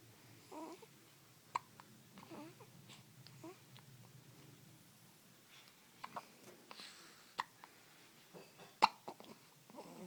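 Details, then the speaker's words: Baby girl with hiccups: soft, quiet infant hiccups, each a small catch sound, repeating every second or two with light babbling and breathing between them. "baby girl has the hiccups."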